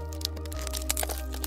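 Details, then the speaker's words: Simulated sound of a person grinding their teeth during sleep (bruxism) in a VR body-tour animation: sharp cracking and crunching bursts over a steady music drone. "ele está apenas rangendo os dentes 8 a 30 por cento das pessoas em todo o mundo range os dentes enquanto dormem isso chama-se bruxismo"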